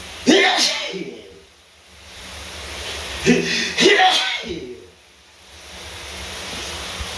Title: shower sneezes (m)